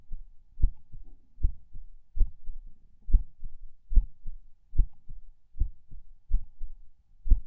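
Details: Person lying in bed falling asleep, feeling every beat and skip. Low heartbeat at about 73 per minute with uneven spacing and occasional early or skipped soft beats; they are unsure whether these are PACs. Distinct split S2 is also reported.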